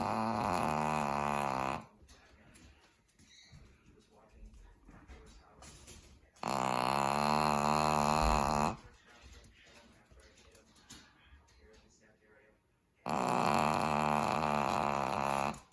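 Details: Female Cavalier King Charles Spaniel with cleft palate, asleep with eyes open: loud rattling snores about two seconds long, recurring with quiet breathing between, in a quiet room; snoring.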